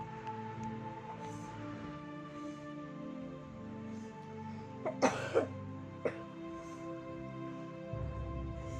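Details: Baby with fever, runny nose and relapse, coughing for 4 days: a few short, dry coughs heard over soft background music.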